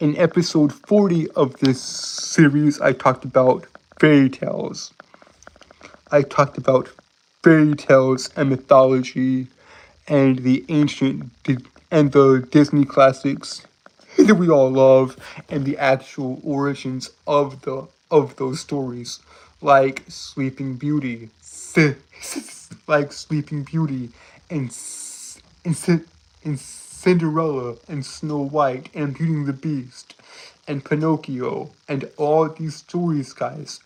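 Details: Self-reported speech impediment he says he cannot help, in a streamer; stuttering-like disfluency (speech impediment).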